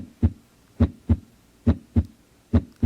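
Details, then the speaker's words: Normal heart sounds, played as a teaching example in a news segment before gallop sounds: clean, regular lub-dub at about 70 beats a minute. "ahora pueden escuchar el sonido normal del corazón y ahí pueden observar algunas de las válvulas"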